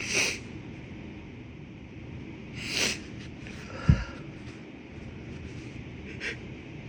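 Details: Person with a tickly, congested nose needing to blow it: two muffled sneezes followed by a wet nasal snort and sniffles; sneezing with nasal congestion.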